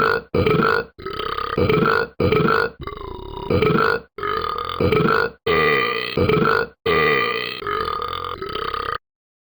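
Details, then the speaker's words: Person demonstrating what they call the loudest burp in the world: about ten loud, evenly pitched burp-like blasts in quick succession, clipped and processed-sounding, about 46 a minute. "want me to show you the loudest burp in the world first of all this is how to do it h"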